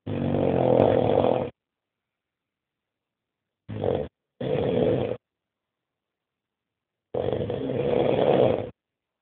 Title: Вот это храп / Here is snoring.mp4